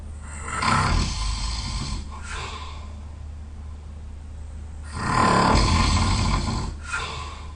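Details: Very tired person, loud snoring during sleep: two loud, deep, rasping snores, each lasting a few seconds, separated by quieter breathing.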